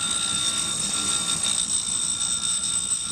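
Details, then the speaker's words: Steady high-pitched motor whine with grinding hiss as a dental lathe with a 3-inch wheel trims the acrylic of a maxillary oral appliance. "and we do it by using this LA with this 3-in wheel and we hold the appliance against the side of the wheel like this until the center row of the pressure of the lingle cus of the maxillary teeth are almost gone"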